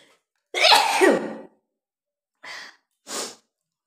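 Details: Woman deliberately inducing sneezes by tickling her nose with paper: one loud, explosive sneeze, then two shorter, softer sneezy bursts in a short series of sneezes.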